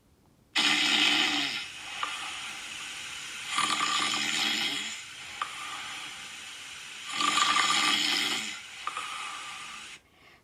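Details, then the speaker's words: Snoring sound effect played back to a wrist-worn obstructive sleep apnea monitoring device's microphone during testing: three loud rattling snores about 18 a minute with softer breathing between. "each time the you heard the snore you saw that spike go up so we can monitor snoring with this microphone"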